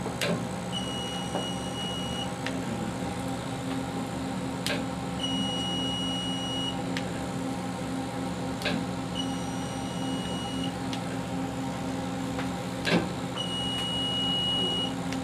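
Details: Fractional CO2 laser (RF metal tube, 20W/30W) demonstrated as in a real skin-rejuvenation treatment, including the forehead: steady hum with sharp clicks and short beeps about every four seconds as it fires.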